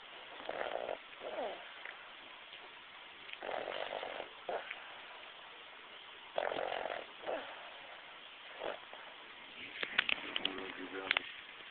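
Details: Repeated short, snorting breaths with some whistly sounds during sleep, recorded thin and tinny; snoring.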